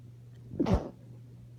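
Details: Woman with allergies, unable to sleep at night, stifling sneezes to avoid waking someone: one brief, muffled burst of air with the voice held back against closed lips, over low room hum.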